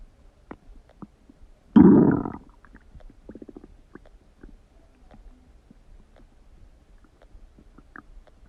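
One loud, brief low gurgling rumble, then faint scattered bubbling and clicks: stomach growling.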